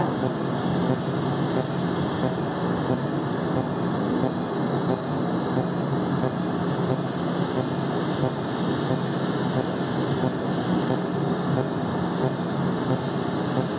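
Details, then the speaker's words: Steady loud rushing air noise throughout from a cold-air skin chiller blowing during live laser hair removal on a patient's legs with coarse, thick hair; patient rates pain 0/10. "The cold air makes a huge difference, Yeah. you guys."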